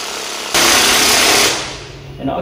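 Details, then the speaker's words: Percussive massage device (Theragun/Theravolt type) running on the top of the thigh to treat IT-band irritation, tensor fasciae latae strain and trochanteric bursitis: sudden loud buzzing motor noise that fades as pressure changes. "so i'm going to turn this on we're going to go and take it directly on the very top portion of the thigh"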